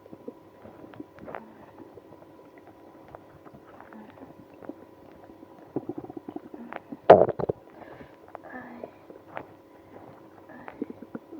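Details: Person with IBS after drinking milk and prune juice: bubbling, gurgling stomach rumbles and squeaks with one loud burst and moaning over a quiet hum; active bowel sounds, or stomach growling.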